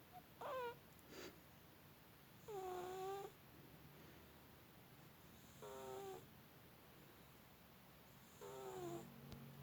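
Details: Sleeping cat snoring loudly: soft, faintly whistling snores recurring about every three seconds over steady room hiss; snoring.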